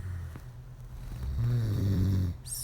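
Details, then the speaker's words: Man snoring all night while asleep holding his partner, dead to the world: a loud, low rumbling snore on an in-breath with quieter breathing around it; snoring. "so this is what I have to live with do you hear it he does this all night long"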